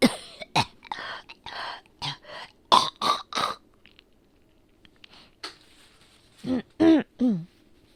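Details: Person with asthma coughing, a quick run of about nine short coughs and throat clearings, a pause, then three louder coughs with some voice; cough.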